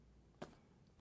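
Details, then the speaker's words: Posterior chest percussion for diaphragmatic excursion during a pulmonary exam: a single short, flat tap on the lower back, a dull note over the diaphragm before the resonant point is reached moving upward. "now we're going to come up it should be dull until we find our resident point which is right there"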